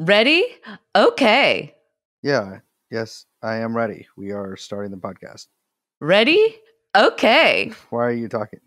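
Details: Adult speakers in conversation; Normal voice.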